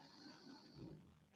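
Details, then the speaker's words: Small pet dog asleep under a desk gives a brief, low, rumbling snort, faint in a quiet room: snoring. "i don't know whether you can hear my little doggy snoring but just in case you can hear some really funny noises that's him down there"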